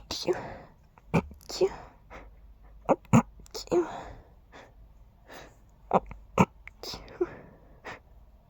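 A series of short, muffled bursts with breathy intakes between them, heard as quiet stifled sneezes in a small room.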